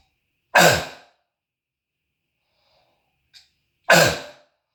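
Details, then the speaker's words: Adult who says they were born with bronchitis, harsh barking croup-like cough from a throat tickle, described as an asthmatic seal-like barking cough, echoing off the walls during a self-recorded cough sound test. "so that's an asmatic cough it's like a seal barking cough is what it is"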